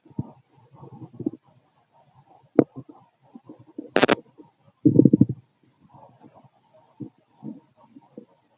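Irregular gurgling, bubbling and low rumbling sounds over the abdomen with brief louder squelches, typical active bowel sounds of a growling stomach.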